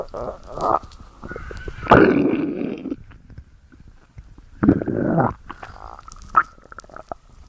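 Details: Loud stomach growling: two long rumbling gurgling bursts with quieter bubbling between them. Bowel sounds (borborygmi).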